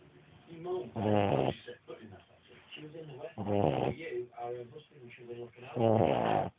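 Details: Rhythmic snoring during sleep: raspy, buzzing breaths alternating with softer fluttering ones, about 25 a minute.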